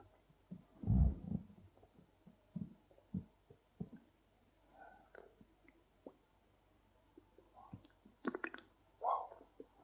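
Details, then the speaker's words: Adult male's hunger stomach growling (borborygmi): low rumbling and gurgling bursts from the belly while he presses on his stomach, described as a war inside his stomach. "it's like a war inside my stomach he wants food so badly so hungry"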